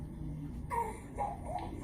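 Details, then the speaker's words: Short, high-pitched squeaky noises with each breath from a premature baby with tracheomalacia, a narrowing and collapse of the airway; stridor. "tracheomalacia, which is a narrowing of the airway."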